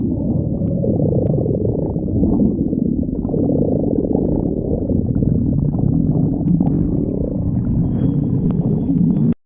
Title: Hungary stomach growling